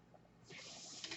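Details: Mechanical ventilator airflow heard while the user speaks, identified by the speaker as the noise of their own ventilator.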